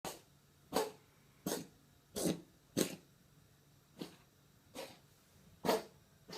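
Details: Eight short, harsh cough bursts over about six seconds in a quiet room from an Abyssinian cat with a persistent cough that has not improved despite amoxicillin, Synulox injections, Erespal and prednisolone.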